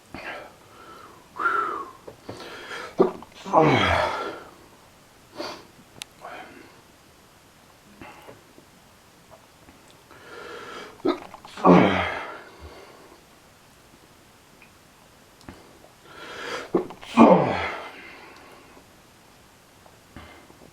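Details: Repeated painful, excessive sneezing attributed to allergies, making the person feel sick: sharp bursts every few seconds, some with a breath drawn in beforehand, in a small room.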